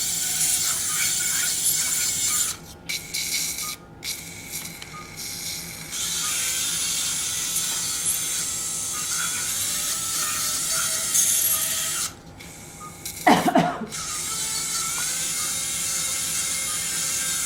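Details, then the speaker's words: Diamond bur surgical drill, chosen as safer than a cutting bur, grinding ear canal bone near the TM joint during transcanal revision tympanoplasty for severe tympanic membrane lateralization after several previous operations; high steady whirring with short pauses and a louder burst. "PR and as usually you can see I'm using a Diamond D bur I don't like to use a cting bur takes more time but I think it is safer"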